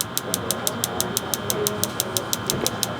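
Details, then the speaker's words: Focused shockwave therapy device firing rapid regular clicks, about six per second, over a steady hum, applied to the knee of a former football player for patellar tendinitis while intensity is built up to a tolerable level. "I'm going to give you a little bit more here let me know as we uh we start to build it up when we get to that point that you feel is comfortable or you know at least tolerable rather"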